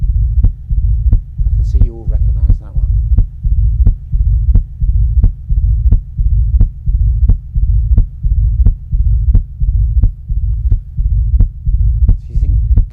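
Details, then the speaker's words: Mitral stenosis murmur, teaching recording: slow, regular heartbeat with a low rumbling murmur just before the first heart sound. "Yeah, it's actually the same as the mitral stenosis sound. So we will go back to that one to listen to it."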